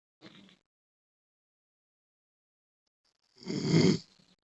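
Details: A brief soft breath, then after a long pause one loud, rough, rumbling inhaled snore; snoring.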